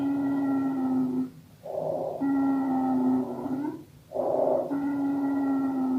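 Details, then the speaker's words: Wheezing on lung auscultation: long, high-pitched musical whistles with each breath, about 24 breaths a minute. "مع صوت الويزنج ساوند، يبقى أول حاجة هنسمعها الويزنج ساوند."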